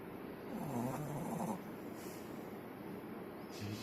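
A low, rattling snore from a sleeping dog with a fluttery vibration on the breath, then quieter breathing and the start of another snore.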